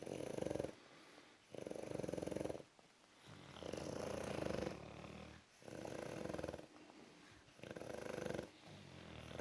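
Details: Two sleeping male Bulldogs give regular, rough, rattling snores on each in-breath, about 30 a minute, with quieter out-breaths between; snoring.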